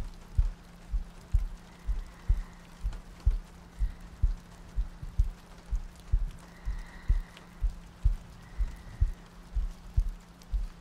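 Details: ASMR sleep-aid soundscape looping heartbeats, soft breathing and rain ambience: soft, regular double thumps at about 62 a minute with faint rain and soft breathing behind, a steady heartbeat.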